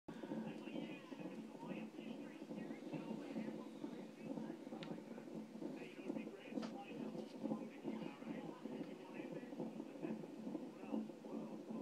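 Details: Fetal heartbeat at 33 weeks of pregnancy on a hospital monitor during a check-up that also tracked movement and contractions: rapid whooshing, galloping beat about 140 per minute, within normal range.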